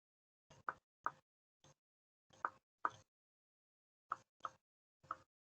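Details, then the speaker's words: Finger percussion down the midaxillary line, patient lying on the right side (right lateral decubitus), starting high: resonant lung note first, then duller, shorter notes, changing from lung resonance to dullness. "La percusión sigue la línea medioaxilar. Comenzamos bien arriba y escuchamos la sonoridad pulmonar."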